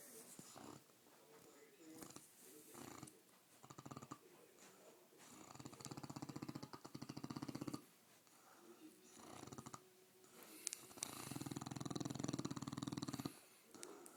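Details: Sleeping Mastiff with floppy cheeks: low, rattling, fluttery snores in repeated bursts with quiet gaps between breaths; snoring.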